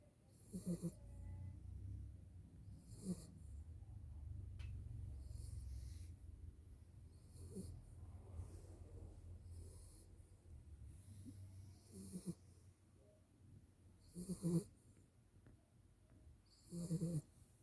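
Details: Sleeping dog, a tired new mother, snoring: repeated soft snorting snores with low rumbling breaths about every two to three seconds; ordinary snoring.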